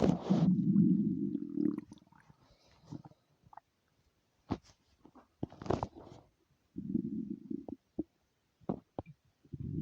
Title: another long stomach rumble